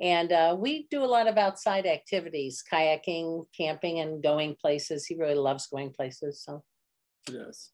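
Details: Adult woman speaking; Normal speech.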